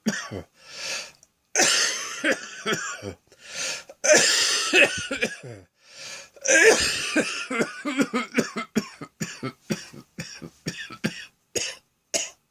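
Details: Afternoon cough with wheezing: repeated harsh coughing bouts with brief whistling sounds, then a run of short rapid coughs. The chest sounds congested.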